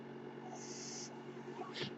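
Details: The speaker's own mechanical ventilator heard in the background while they talk on a podcast: mechanical ventilator sound.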